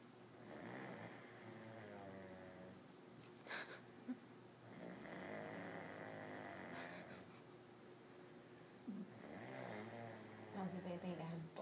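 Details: Sleeping person snoring after too much daytime drinking: long, buzzy snores on breathing in, roughly every four seconds, over a faint hum in a quiet room.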